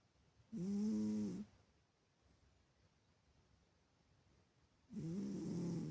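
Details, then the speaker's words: Sleeping cat snoring in the morning: two soft, buzzing snores in a quiet room. "Бастюша ещё не проснулся. Вот так он храбит."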